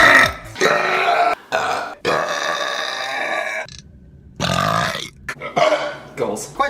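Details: Man burping compilation: several loud, long, voiced belches in a row with brief gaps, faint music in the background.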